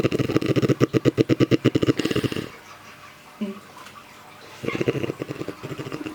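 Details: A woman (a mother-in-law) sleeps and snores "like a motorbike": a loud, rattling, fluttery snore on the in-breath, a quiet pause, then another rattling snore. Heavy snoring with throat soft-tissue vibration.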